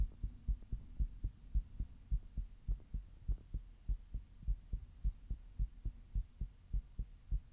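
Steady low thumping heartbeat, roughly 105 beats a minute, with a faint background hum.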